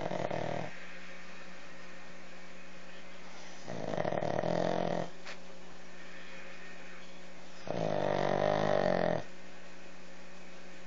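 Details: Snoring in sleeping pugs: loud, rattling snores with long pauses between breaths over steady room hum.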